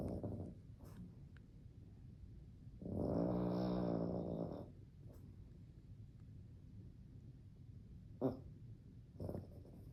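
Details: Charlie, a dog, snoring while asleep: one rumbling, buzzing snore with soft snuffles and small noises between breaths.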